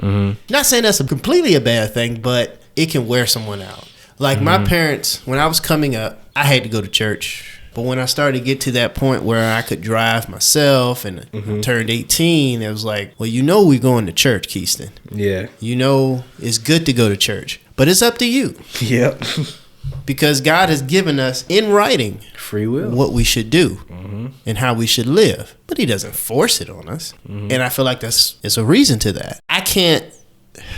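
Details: Adult male speaker, conversational podcast, with brief interjections from a second speaker; normal speech.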